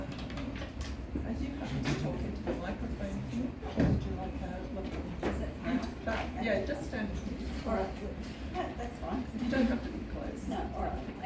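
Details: Adult speaker in a lecture room; normal speech.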